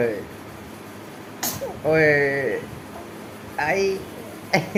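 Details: Baby girl: short voiced wails with a high-pitched tone in a quiet room, with a brief sharp burst between them; infant crying.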